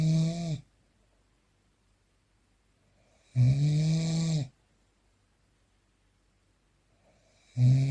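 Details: Real, unprocessed recording of snoring during sleep: loud, deep, rattling snores on each in-breath, about 15 a minute, with silent pauses between.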